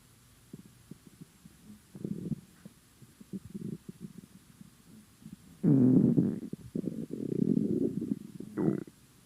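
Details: Hungry empty stomach gives irregular gurgles and low rumbles: ordinary hunger-related bowel sounds (borborygmi).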